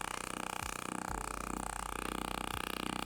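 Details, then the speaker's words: Radial extracorporeal shockwave therapy device in a first treatment meant to bring blood flow to the tissue: rapid, regular tapping pulses about four per second over a steady hum, mechanically stimulating the tissue. "And it's that change in energy that stimulates the tissue. It doesn't damage it. It doesn't harm it. It just stimulates it enough to ignite that inflammatory response and stimulates it mechanically."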